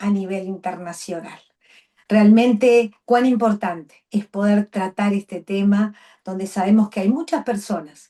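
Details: Adult woman speaking Spanish; normal fluent speech.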